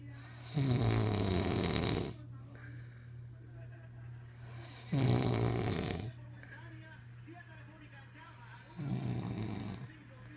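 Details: Snoring: three loud, low, rattling snores on the in-breath, separated by quieter pauses, over a steady low room hum.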